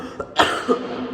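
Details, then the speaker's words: A single short, sharp cough with a little throat noise around it, from a person who has been coughing a lot lately, worse especially when eating, and now improving. "oh sorry guys recently I've been I mean ever since until now the coughing situation is really"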